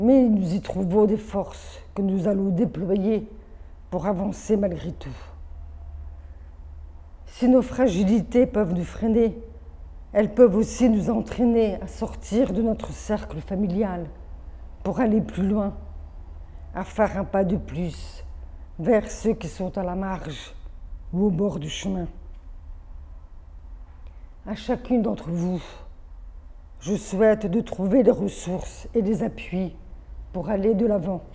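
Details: Adult woman born deaf with over 80% hearing loss from maternal rubella, hearing aids from age 7, oral education, speech therapy from age 2 through middle school plus phoniatric voice work, hears own voice poorly; congenital deafness (deaf speech).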